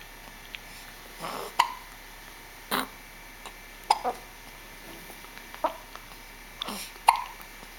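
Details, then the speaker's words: Hiccups: short, irregular hiccup-like jerks, about six in eight seconds, in a quiet room. "You have the hiccups."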